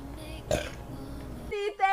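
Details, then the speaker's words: Burp from a girl: a short, loud, rough voiced belch, followed by a brief vocal sound, over quiet room noise. "like that was a huge burp okay John I appreciate perfect"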